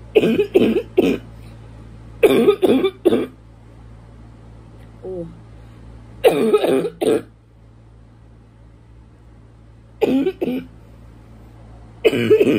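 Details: Person feeling more congested over the past week, hoping allergies clear up: about a dozen harsh, wet, barking coughs in clusters of two or three over a steady background hum.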